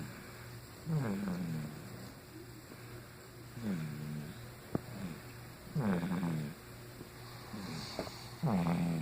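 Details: Slow, deep rumbling snores every two to three seconds, with soft room noise between; she snores asleep after a long day of flying, meeting family and a bottle.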